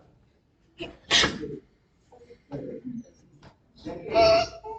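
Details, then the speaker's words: Infant with laryngomalacia, the commonest cause of pediatric stridor: harsh, high-pitched crowing noises on breathing in, inspiratory stridor. "Tiene que explicar que vieran eso, escucharan esto, porque es el motivo de consulta principal, porque van a venir los pacientes que tienen la lipomalacia, el estridor, ¿no? Esa respiración cuidadosa que tienen."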